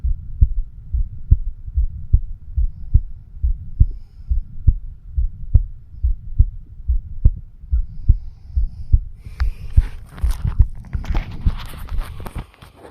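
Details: 36-year-old man recording his own heart with a homemade microphone stethoscope over the mitral (bicuspid) valve area: steady regular low thumps about 71 beats a minute: heartbeat.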